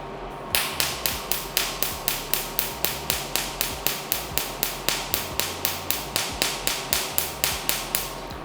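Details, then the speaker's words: Pico (picosecond) laser fired at test paper after raising energy to a more aggressive setting: regular sharp snapping pops, about two per second, as pulses burst through the paper. "मैं देख रहा हूं जहां मैं fire कर रहा हूं वहां पर जो है पूरा जो पेपर है पूरा फट के निकल रहा है और क्योंकि एनर्जी बढ़ चुका है"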